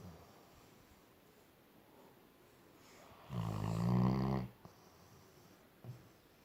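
A single rough, low snore rises out of quiet room sound, with soft breathing between; snoring in a sleeping dog.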